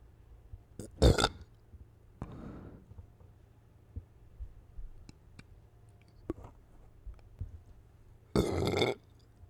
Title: satisfying burps